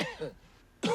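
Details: Short, voiced coughs from an adult lying in bed with a cold: cough during a common cold.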